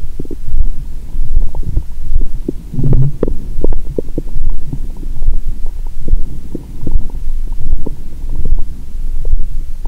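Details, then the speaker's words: Continuous low rumbling and gurgling through a stethoscope on the abdomen, faint regular heartbeat underneath (fast after wine), in an adult after a 22-hour fast then heavy Christmas dinner and wine, belly still bloated; active bowel sounds. "मेरा पेट हर समय गड़गड़ाहट कर रहा है। मुझे तुम्हारे कानों की चिंता हो रही है😂।"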